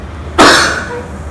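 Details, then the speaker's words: One forceful, harsh voluntary cough, the hard cough of the effective cough technique for clearing airway secretions, performed by a student acting as patient in a simulated nursing procedure after deep-breathing cycles. "Hai Yuk kita tekan langsung yang keras"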